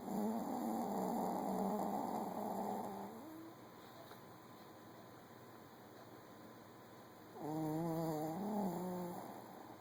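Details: Sleeping cat snoring: two drawn-out, throaty, snore-like breaths a few seconds apart, with quiet between them.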